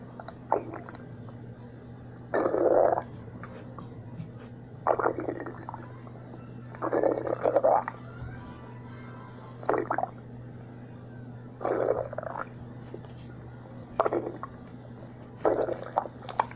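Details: Liam's stomach, recurring episode: repeated gurgling, squelching rumbles every couple of seconds over a low steady hum; stomach growling (borborygmi).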